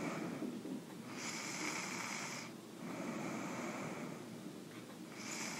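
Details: Snoring during sleep: continuous airy, hissing snore sounds on breathing in and out, over a steady room hum.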